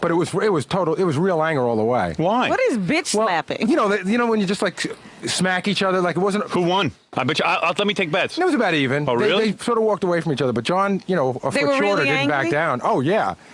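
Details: Adult male radio talk-show hosts; ordinary conversational speech.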